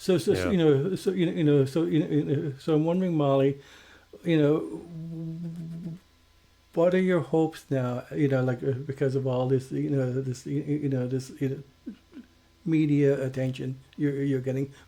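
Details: Stuttering in a male podcast co-host who identifies himself as a person who stutters.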